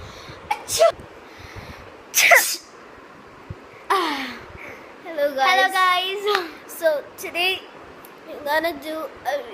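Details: Several sneeze bursts of different styles, two sharp and loud, then vocal sneeze-like sounds, likely playful imitation demonstrating types of sneezers; sneezing.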